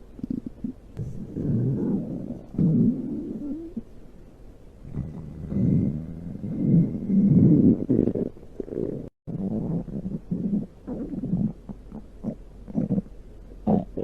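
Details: Loud stomach growling: loud, low gurgling rumbles rolling on and off for several seconds, ordinary borborygmi from gas and fluid moving through the gut.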